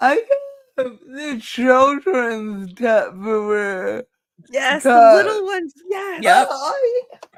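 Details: Dysarthria in a woman who states it is caused by her cerebral palsy and that nothing can be done about it.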